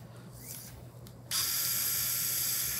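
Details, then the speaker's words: Surgical wire driver gives a sudden loud, high-pitched motor hiss and whine while a guide wire is advanced and redirected in bone during transiliac transsacral fixation of the posterior pelvic ring with a CurvaFix implant. "I'll take the wire driver. Yep. I'm going to redirect this wire a little bit."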